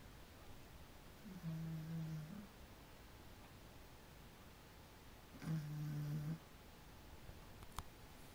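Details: Quiet snoring: two soft, low, droning breaths about four seconds apart against steady room hiss.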